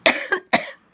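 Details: Person with cystic fibrosis, worsening lung infection with pan-resistant bacteria, doing vest airway clearance: two quick harsh coughs with a short catch between, a chronic wet cough.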